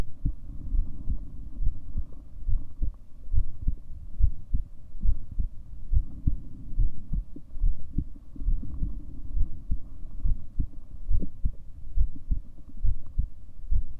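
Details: Steady low thumping heartbeat at about 70 beats a minute with a muffled background hum, a normal resting heartbeat from a 7-minute recording.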